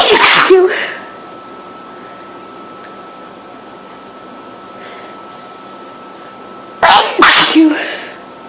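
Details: Person extremely allergic to cats, sneezing all day in a house with cat hair everywhere: loud explosive sneezes, one at the start and a pair near the end, in a quiet room; allergic sneezing.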